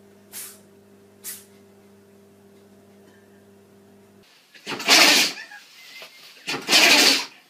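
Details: Animal sneezing, from a sneezing compilation: two faint sniffs, then two loud, sharp, hissing sneezes in quick succession over a low hum.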